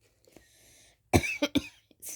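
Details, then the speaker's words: Adult with asthma who is non-compliant with prescribed inhalers: an asthma cough of three harsh, dry coughs as the asthma acts up. "me guys my asthma cough that cough that you hear when when you hear it that is my asthma acting up"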